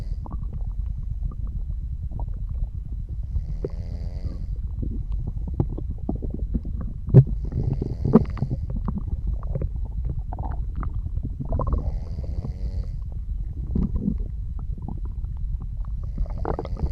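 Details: Ordinary digestive bowel sounds (borborygmi): low, irregular gurgles and bubbling rumbles over a steady low hum, with faint soft snoring.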